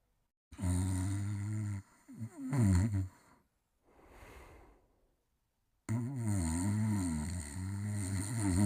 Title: Buck Sleeping and Snoring in 55 seconds